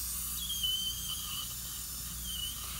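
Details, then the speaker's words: Dental implant placement: slow-turning implant motor at about 35 rpm guiding the implant into bone, high whine and hiss with brief high beeps signalling the implant reached its set torque. "beep is the Machine telling us that we reach a certain torque torque is how much work it takes the implant"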